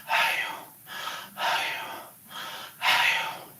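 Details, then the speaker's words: Imitated bronchial (tubular) breath sound, laryngotracheal noise transmitted to a consolidated lung segment, with an a-e-o timbre: harsh, hollow blowing breaths in and out. "El soplo tubárico es la transmisión del ruido laringotraqueal a un segmento de condensación pulmonar. con su timbre en a e o. O sea, que más o menos va a sonar como un"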